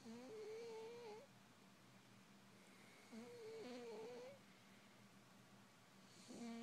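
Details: 10-year-old polydactyl cat sleeping comfortably: two long, tonal, whistling snores about three seconds apart in a quiet room; snoring.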